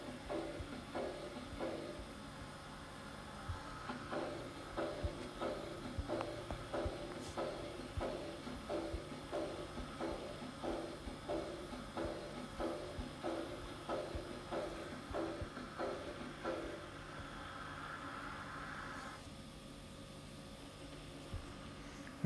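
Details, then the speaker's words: Aortic regurgitation: regular heart sounds with a soft, high-pitched blowing early diastolic decrescendo murmur. "aortic regurgitation is an high-pitched blowing early diastolic decreasing normal long diastolic murmur"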